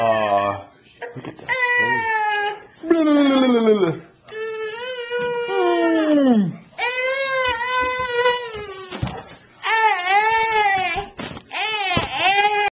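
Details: Young boy, near bedtime after skipping his afternoon nap, walking, falling, then crying: long, high, sobbing tantrum wails with brief catches of breath between them; recorded with a Flip Video camcorder.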